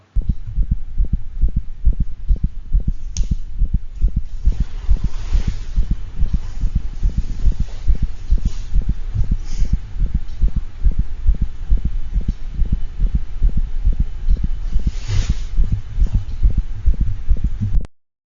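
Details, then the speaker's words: Dog with mid-systolic click between S1 and S2 plus a soft heart murmur. "and the final recording on this slide is a dog with a mid systolic click that also has a soft murmur"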